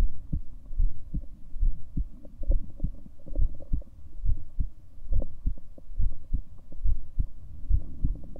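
Steady low lub-dub thumps at about 70 beats a minute; a regular heartbeat.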